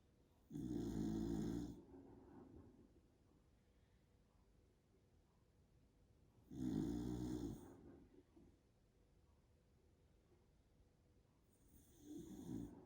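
Long, rattling snores on each in-breath, about every six seconds, with quiet pauses between them. A dog snoring in its sleep.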